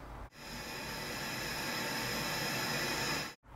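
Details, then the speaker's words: Steady hissing test-signal burst of about three seconds played into the unaided ear through probe tubes during a real ear measurement before a hearing aid fitting. "Then we put the tubes in your ear and we've got to see what what's it sound like in your ear when you're not wearing hearing aids, okay"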